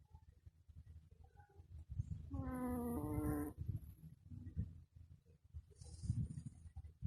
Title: Snoring Shihtzu